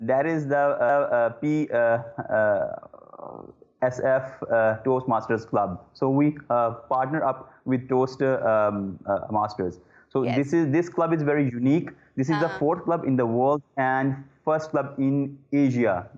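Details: Adult man who stammers; disfluencies include repeated 'uh'. Stuttering.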